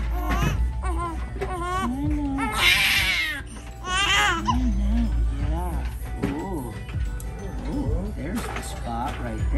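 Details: Newborn twin girl delivered by C-section crying during a chiropractic sacro occipital technique adjustment: repeated rising and falling wailing cries over background music and adult voices.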